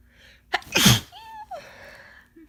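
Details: Person with a head cold: a short breath in, then one forceful, wet-sounding sneeze and a brief voiced sound afterward.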